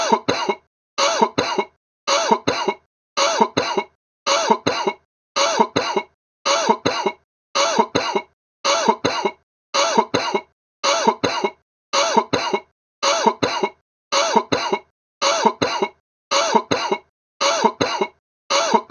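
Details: Repeated harsh adult coughs in pairs, about 55 a minute, evenly looped; a sick cough sound effect.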